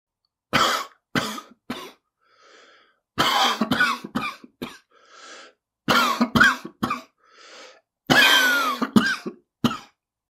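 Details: Adult man with repeated harsh coughing fits, several explosive bursts separated by quick indrawn breaths; cough.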